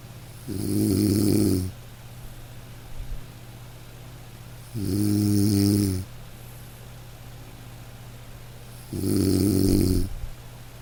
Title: Dog snoring - to fall asleep - light rain - black screen - nature sounds